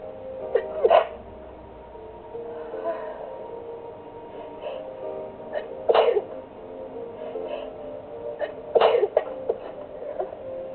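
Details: Sneezing fit recorded on a phone while relaxing to music: three forceful sneezes roughly every three seconds with music playing in the background.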